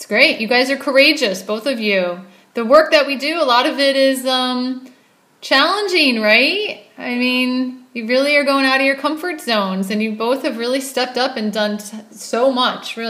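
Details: Adult woman speaking; typical speech.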